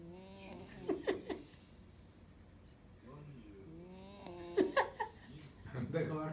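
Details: Sleeping beagle snoring: soft, rhythmic nasal snores mixed with a woman's laughter in a quiet room.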